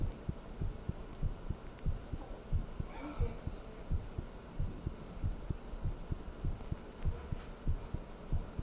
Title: Heartbeat Sound | “Thinking About You” | Black screen version